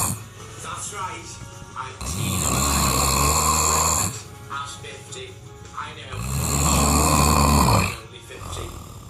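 Two very loud, long, rattling snores about four seconds apart, quieter breathing between them, over faint background music: heavy snoring.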